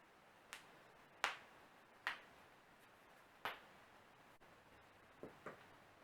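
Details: Self-performed morning cracking of the back, neck and fingers by a non-chiropractor: six sharp, brief popping cracks in a quiet room.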